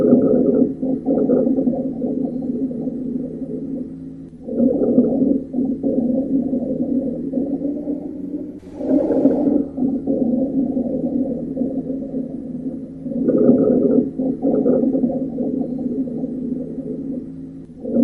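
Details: Low-pitched sonorous wheeze (rhonchi): continuous snoring, groaning, gurgling wheezes through both inspiration and expiration. Heard over the chest wall where the bronchi lie, not over alveoli. Usually clears after coughing.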